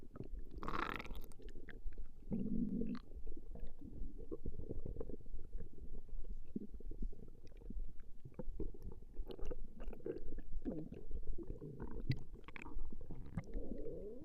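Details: Woman's stomach growling recorded over a 20-minute session: low, continuous abdominal gurgling and rumbling with brief louder squeaks, normal borborygmi.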